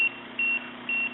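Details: Three short, evenly spaced high electronic beeps: a SeQual eQuinox portable oxygen concentrator acknowledging therapy setting changes, a normal operating sound.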